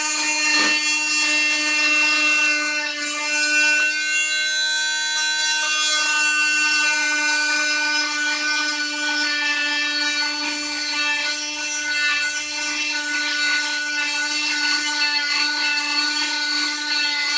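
Steady high-pitched whine with a rasping edge: an oscillating cast saw cutting through a cast during removal.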